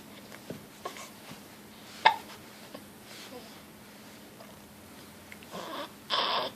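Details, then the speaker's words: A baby with hiccups, described as having a serious face, while being spoken to. "Hi, baby. Hi. Got the hiccups? Such a serious face."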